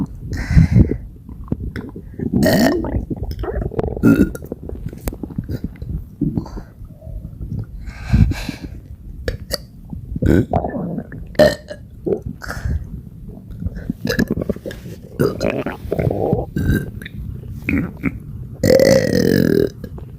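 Repeated loud, deep belches in quick succession, nearly non-stop, fitting belching from a bloated stomach.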